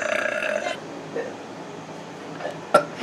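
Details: Brother burping: one long, deep, rumbling burp, then quiet room noise and a brief click.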